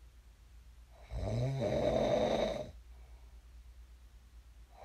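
Two deep, rumbling snores about four seconds apart with quiet pauses between; snoring.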